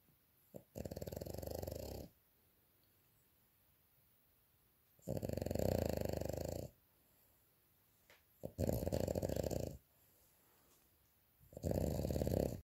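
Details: French bulldog on afternoon nap: four loud, rumbling snores about 1–1.5 seconds long with quiet gaps, roughly 20 breaths a minute; snoring.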